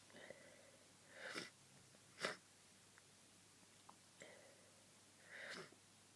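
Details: Quiet, stifled sneezes, each with a short breath in before a sharp "hup" burst, against soft room hiss: repeated sneezing from a person with a cold, who says they sneezed over a hundred times today.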